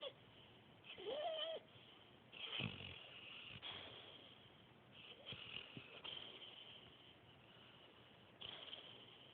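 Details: Sleeping female dog snoring while dreaming, with eyes rolling; she often yelps in her sleep: irregular nasal snorts, breathy snores and a few soft whimpers in a quiet room.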